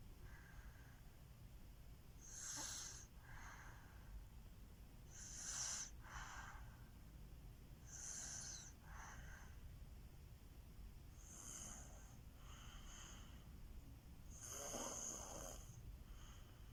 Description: In this video I caught my baby snoring loud like her daddy 😅 please watch like and share ❤️